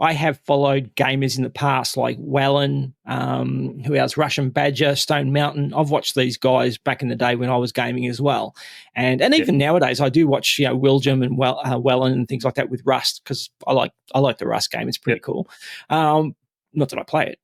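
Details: Adult man speaking; Normal conversational speech.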